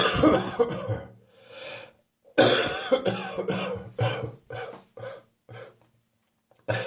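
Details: Spring cold with a real wheeze on the chest this morning: wet, wheezy, chesty productive cough.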